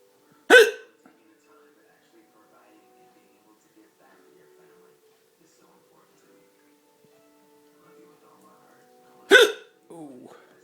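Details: Two sharp, abrupt hiccups about nine seconds apart in a quiet room, a brief vocal sound after the second, from a person with two broken ribs who has a severe hiccup problem; hiccups.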